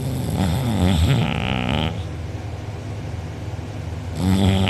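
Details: Self-reported loud snoring recorded by a sister while the sleeper was out cold with mouth open and drooling, with a sore uvula and soft palate afterward: loud, rough, rattling snore on the in-breath, a quieter pause for breath out, then snoring again; heavy snoring.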